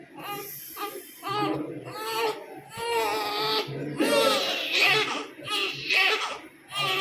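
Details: A newborn baby girl crying after an injection: repeated high-pitched crying bursts with short breaths between, with background voices and music.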